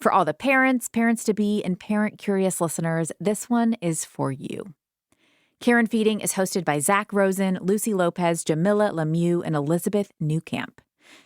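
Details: Adult woman speaking; normal speech.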